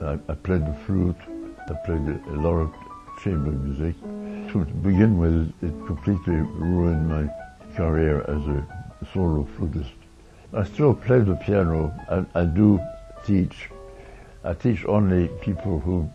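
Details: Man with Meige syndrome (oromandibular dystonia) affecting face, mouth and eyelids; onset in 1982 in the jaw, later spreading to the back of the neck and eyelids; treated with Botox. Finding: oromandibular dystonia (Meige syndrome).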